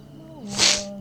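A brief voiced intake rises into a sudden hissing burst of air, a single sneeze, with faint background hum.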